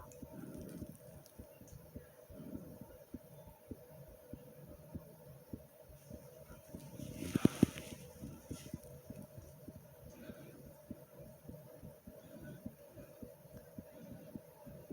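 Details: A person's own fast heartbeat recorded with breathing: rapid, dull low thumps with soft, muffled breaths underneath, fitting tachycardia.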